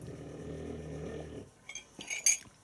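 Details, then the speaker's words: Boxer dog snoring under a table, a low rumbling snore just over a second long followed by light clinking; owner says he doesn't know how to breathe quietly: snoring. "my dog is snoring under the table right now and you can probably hear that I am sorry"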